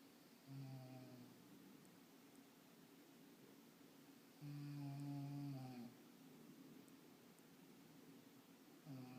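Slow, long humming snores, about one every four seconds, each a steady low buzzy tone on the breath; ordinary snoring in a quiet room.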